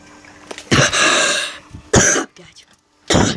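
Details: Three harsh, forceful coughs in quick succession, the first drawn out and raspy, from a speaker during game commentary.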